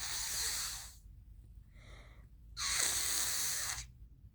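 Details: Night-time allergy episode, third night, allergy pills not yet working, possibly reacting to an allergen at the horse ranch used for equine therapy: two loud hissing nasal bursts, the second sharper, brief sniff between; sneezing with nose-blowing.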